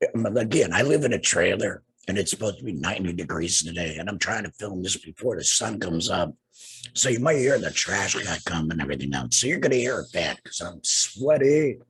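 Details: Adult man, two years after total laryngectomy for cancer treated with radiation and chemotherapy, with no larynx and breathing through a neck stoma, speaking with a tracheoesophageal puncture (TEP) voice prosthesis and using an HME: tracheoesophageal speech after total laryngectomy.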